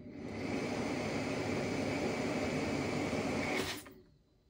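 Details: Philips Respironics System One REMstar Pro C-Flex+ CPAP machine with 2351 hours of use: steady airy blower noise fading out after about four seconds when it stops.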